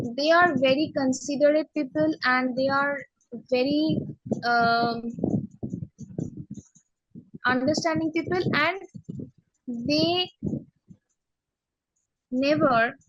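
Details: Woman who has stammered since age six, speaking in a real interview; stammering.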